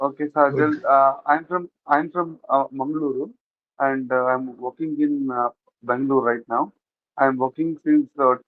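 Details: Adult from Mangaluru who has stammered since childhood; stammering increases with anxiety and when meeting new people; real speech showing stuttering.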